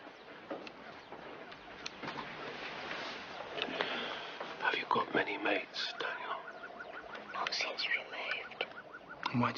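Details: Acted portrayal of a young boy in a TV drama with hysterical dysphonia, linked by doctors to parents' breakup, moving house and changing school; whispered answers: functional (psychogenic) dysphonia with whispered speech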